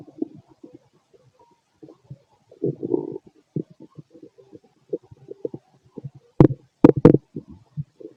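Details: Adult male's stomach growling late at night, feeling gassy and bubbly after eating lots of food earlier: irregular gurgles, squeaks and bubbly pops with a few louder bursts; borborygmi.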